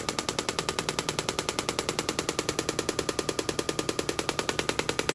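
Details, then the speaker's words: Radial pressure wave therapy device pulsing: rapid, very regular jackhammer-like pounding at about 200 beats a minute; described as not a true shockwave, mostly for superficial skin-to-muscle treatments. "And if it sounds like this, as I said, it's a jackhammer."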